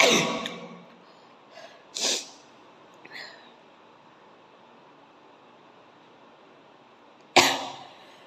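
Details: Sneezing challenge, sneezes deliberately provoked with coir fibre or grass; sharp explosive bursts, one at the start, one about two seconds in and another near the end, quiet breaths between; sneezes in a quiet room.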